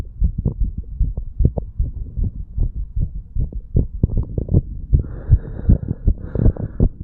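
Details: 35-year-old male after pull-ups and breath holds, recorded over mitral and tricuspid valve areas: quick, steady low lub-dub heart thumps with some rubbing noise near the end; normal heart sounds after exercise.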